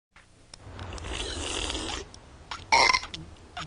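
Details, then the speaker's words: Cartoon soundtrack of kids' burp contest: a long, drawn-out deliberate burp followed by short voice sounds; not a clinical sign. "we're having a contest mom what we're having a burp contest mom well knock it off I do not allow burping in this house"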